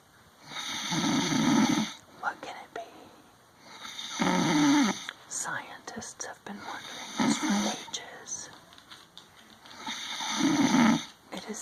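Three loud, rough, rattling snores spaced several seconds apart, about 19 a minute, with soft background whispering between them; ordinary snoring.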